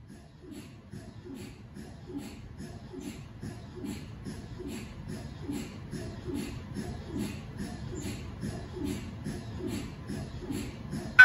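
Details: MRI scanner noise recorded inside the scan room of a GE 1.5T or 3T MRI system running a scan sequence: steady rhythmic knocking and tapping pulses throughout.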